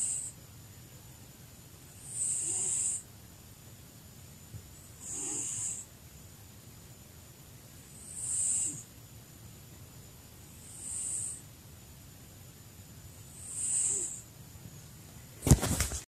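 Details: Very old male cat, almost 20 years, sleeping: regular soft snoring on each breath, five snores about every 2.8 seconds (roughly 21 breaths a minute), with a brief noise at the end.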